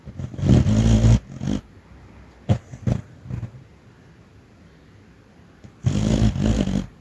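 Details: Small dog snoring while chasing rabbits in his sleep: low rumbling snores in two bursts with soft muffled huffs between.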